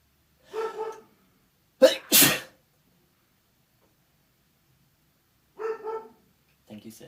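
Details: Person allergic to their cat, with watering eyes: a sharp double sneeze between short vocal sounds; allergic sneezing.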